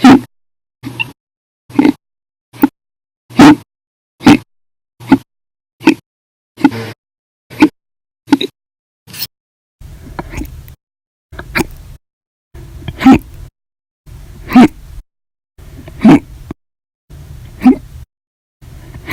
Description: 8/6/19, Violent, Loud, Silent, Minute Hiccups after Breakfast, Lunch, and Dinner Audio Only